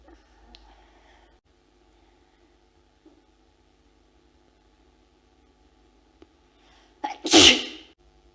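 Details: Female, from Ulf Lundin's 1999 "Bless You" film, in which people were induced to sneeze and left alone to try to hold it back: one loud explosive sneeze after a short breath in, in a quiet room.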